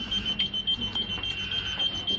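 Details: SLE2000 neonatal ventilator in a NICU training demonstration, sounding while alarm limits are widened to maximum and minimum before inspiratory pressure is set: fast shrill beeps, about four a second, with faint room noise; ventilator pressure alarm.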